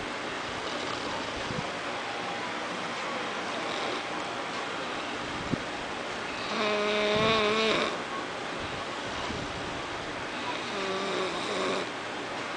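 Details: Person snoring: a louder buzzing snore, then a softer one a few seconds later, each with a whistling, tonal edge over steady background hiss.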